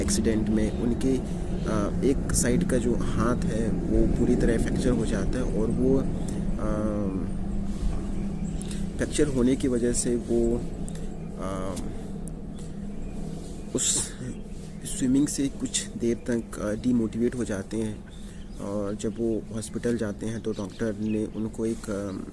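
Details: Adult male speaking Hindi on day 51 of a 90-day speaking practice with yoga, meditation and breathing exercises to overcome his stammering; word repetition heard; stuttering.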